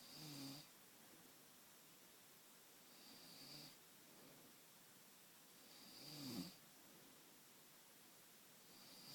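Faint, rhythmic raspy snores about every three seconds, recorded quietly at a distance in a small room. Snoring.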